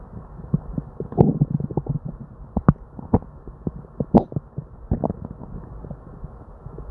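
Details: Continuous low gurgling and bubbling with frequent pops and rumbles, barely pausing, from the stomach of a person with diarrhea; hyperactive bowel sounds (borborygmi).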